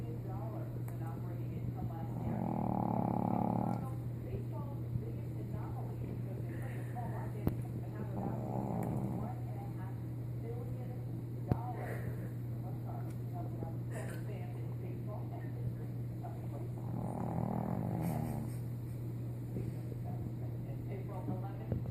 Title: Snoring